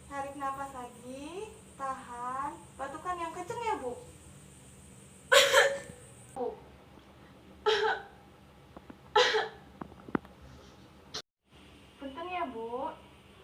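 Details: Simulated nursing demonstration with an adult female patient sitting up: after deep-breathing practice with breath holds, three forceful, harsh effective cough bursts on request to clear the airway.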